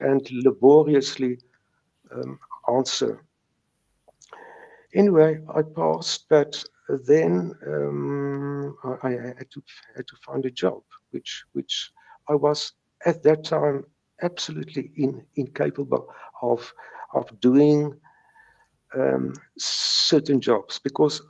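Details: Stuttering in a South African retired man in his 70s, present since age three, now with mild residual blocks.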